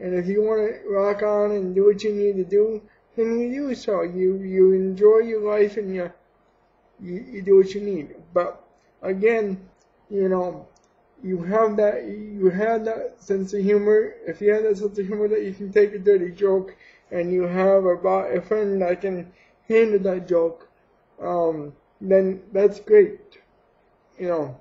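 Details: Man with cerebral palsy speaking about his own disability; dysarthria (cerebral palsy).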